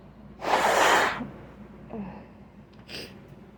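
One sharp, explosive sneeze, then softer breathy sounds and a short nasal snort.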